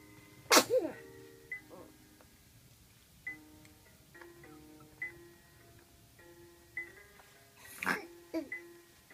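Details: A person sneezing and maybe talking: two loud, abrupt sneezes with sharp bursts of air over soft background music.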